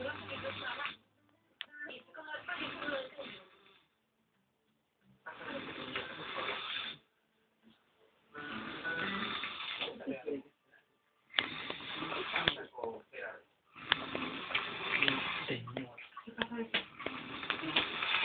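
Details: Adult man (the father) snoring in sleep: loud, harsh, rattling noises recurring with each breath, separated by quiet pauses.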